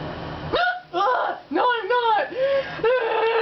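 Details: Female with a frequently recurring hiccup attack: several sudden voiced 'hic' sounds in quick succession, some running into a laugh; hiccups.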